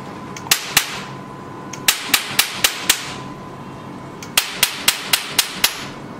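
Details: Tattoo-removal laser mode of a multifunction OPT/SHR IPL/E-light/RF machine test-fired during a demonstration: sharp snapping clicks in bursts of two, five and six shots, with a faint steady tone between bursts; Q-switched laser firing.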